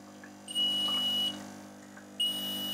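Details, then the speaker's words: Smiths Level 1 rapid fluid infuser alarm: high-pitched electronic beeping over room hum with an orange flashing light, triggered by pulling out the gas exchanger so the giving set is not seated correctly; stops when reinserted. "so you get a beeping noise then you get an orange flashing light next to this symbol as soon as I rectify it and push it back in the beeping stops green light comes back on to say that we're good to go"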